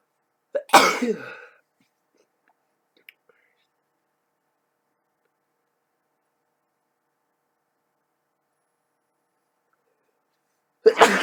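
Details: Two sharp, explosive single sneezes separated by a long silence.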